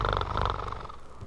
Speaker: These are the sounds of a barracks asleep in the pre-reveille darkness of early morning. The snore, the muffled cough, and the squeak of an Air Force bunk spring.